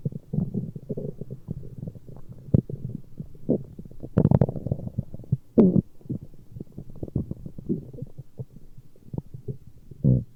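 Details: Continuous low gurgling and bubbling rumbles with louder surges from active gut movement; stomach growling (borborygmi).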